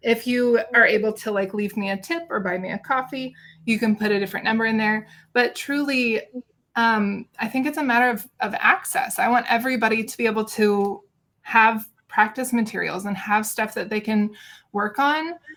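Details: Adult woman speaking; Normal adult speech.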